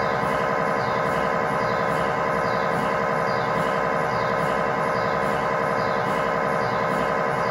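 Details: Lower-leg (tibia/fibula) MRI scan heard from inside the scan room: a steady loud buzzing drone with a regular pulsing beat of about 90 a minute. GE high-definition lower-extremity coil (stated as 8- or 16-channel); test scan in a controlled environment. MRI scanner noise.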